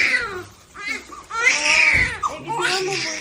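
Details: Newborn daughter just after natural (vaginal) birth: loud, high-pitched wailing cries with voices in the room; vigorous newborn cry.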